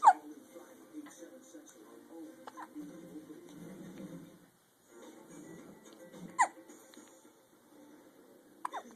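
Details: Person with hiccups: three abrupt, short hiccup sounds about one every three seconds, over background television music and talk; hiccups.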